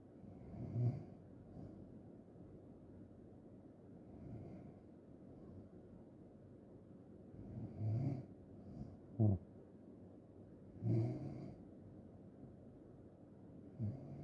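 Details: Low rattling snores recur every few seconds with quiet breathing between, about five snores in fourteen seconds; ordinary loud snoring.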